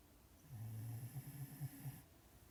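A low, rumbling, fluttering snore on a single breath in, from a sleeping dog.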